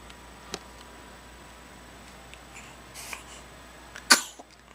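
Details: Baby sneezing: a single abrupt, explosive sneeze near the end over faint room noise.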